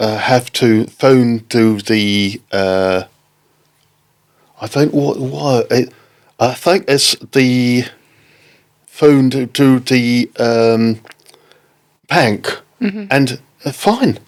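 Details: Adult man with aphasia after a stroke in October 2019, affecting speaking, reading and writing; aphasia after stroke.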